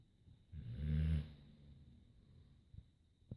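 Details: One deep, low, rumbling snore lasting under a second, then quiet breathing noise: ordinary snoring.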